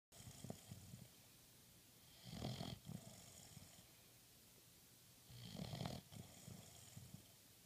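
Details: Two rough, rattling inhaled snores about three seconds apart during sleep, with softer breathy sounds between them; snoring.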